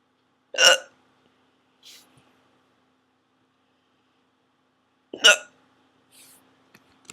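Two sharp, abrupt hiccups about four and a half seconds apart, each followed by a faint breath.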